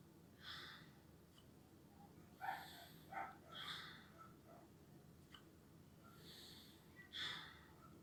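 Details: Lung auscultation practice over the anterior chest: soft breathy airflow sounds repeating with each breath; normal breath sounds.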